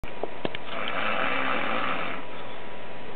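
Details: Sleeping man snoring, later woken with an air horn, a loud, harsh, rattling snore held about two seconds in a small room; snoring.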